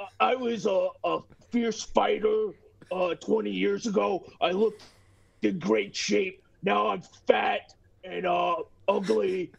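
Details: Imitated stuttering: acted impression of a stuttering radio personality by a podcast guest at the hosts' request; not genuine stuttering.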